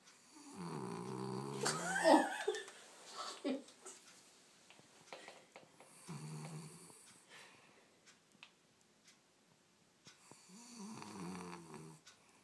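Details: Sleeping pet dog whose owner says he snores louder than any dog the owner has heard: three rough, buzzing snores with faint snuffling between them, in a quiet room; ordinary snoring.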